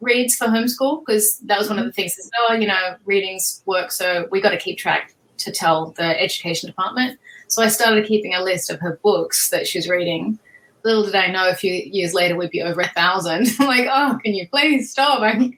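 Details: Adult woman speaking; normal speech.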